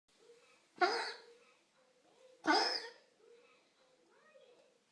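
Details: Dog coughing: two sharp, explosive bursts about 1.5 s apart with soft throaty sounds between them.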